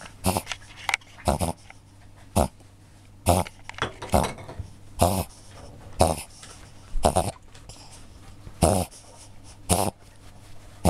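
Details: Repeated loud snorting inhaled bursts, about sixteen a minute, in irregular runs from a Cavalier King Charles Spaniel; owner suspects reverse sneezing that is hard to stop; epileptic seizures also mentioned.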